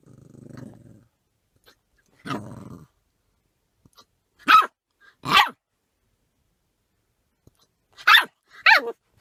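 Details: Puppy sitting in a car with its owner growls low, then gives several sharp yipping barks with soft brief hiccup clicks between them, seemingly barking at its own hiccups: puppy hiccups.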